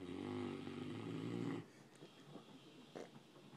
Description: Giant mastiff dog sleeping and snoring louder than anyone I know!!